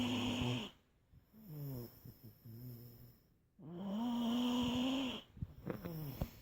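Loud, rumbling, somewhat tonal snores with short snorts and breathy gaps between them.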